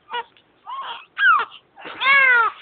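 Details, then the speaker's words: Newborn baby with eyes open: four short wailing cry bursts rising and falling in pitch, with brief pauses between; an ordinary infant cry. "Hwag k iiyak. Huwag kiyak. Huwag kang iiyak."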